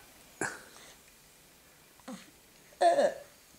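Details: A little boy's triple sneeze: three short explosive bursts in quick succession, the last one loudest.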